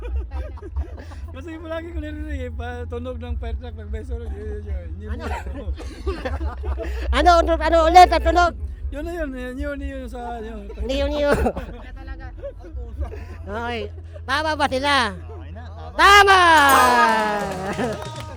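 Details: Filipino show host described as ngongo (nasal-speaking), asking a question in Tagalog during an outdoor interview game; hypernasal speech.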